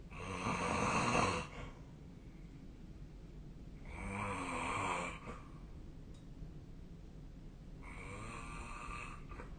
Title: 🐽 本日のイビキ / Snoring Sleep Sound 2025/03/23